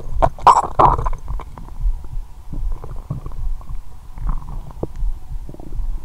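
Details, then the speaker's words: Bowel sounds (borborygmi) from an adult's belly, with abdominal pain. Frequent gurgling, bubbling and squeaky rumbles, loudest in the pit of the stomach, where the area vibrates. ""यह क्षेत्र कंपन कर रहा है।" "मेरा पूरा पेट बज रहा है"। "वह?"। "मेरे पेट के गड्ढे में मेरा पेट बहुत गड़गड़ाहट कर रहा है"।"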